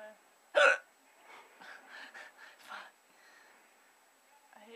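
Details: One sharp, abrupt voiced hiccup from an adult woman, then soft murmured sounds; a single hiccup.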